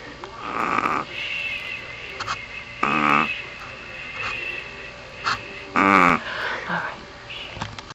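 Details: A sleeping Pomeranian dog gives short, buzzy, pitched snores with a steady hum in the background; snoring.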